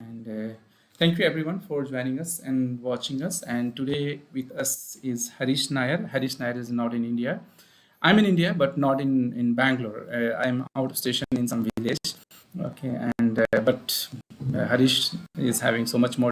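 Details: Adult male speaker; ordinary speech.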